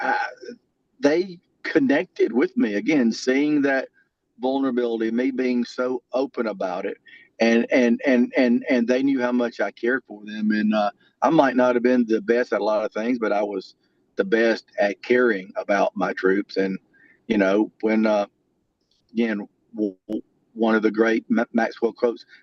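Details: Adult male with lifelong stuttering that varies and was more severe in childhood: stuttering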